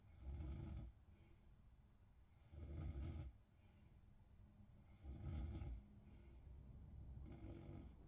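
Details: Snoring in a bed: loud, low, rumbling snores on each breath in, separated by quieter breathing, about 24 breaths a minute.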